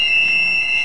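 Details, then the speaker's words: Simulated tinnitus from a radio ad for a homeopathic remedy: a steady, constant high-pitched ringing with a faint hiss, attributed to loud machinery or loud music, disturbing sleep and concentration. "you hear that sound that ringing that hissing I can't get to sleep with it I can't concentrate I hear it constantly everywhere I go it doesn't go away it drives me nuts"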